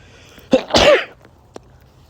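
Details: Male with a cold, slightly sick voice: a quick inhaled catch, then a single loud, wet, explosive voiced sneeze, then quiet.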